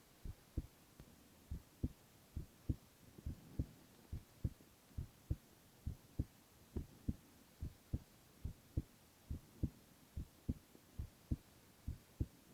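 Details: Male ASMR heart-sound recording with no talking: steady soft low thumps at about 70 beats a minute with a quiet background hiss; normal heart sounds.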